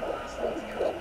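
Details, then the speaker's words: Fetal heartbeat at 13 weeks of pregnancy on a home fetal Doppler placed just below the stomach: rapid whooshing pulses of about 160 a minute, described as sounding like running or a helicopter. "I guess you can say heart is running or a helicopter so that's how you difference"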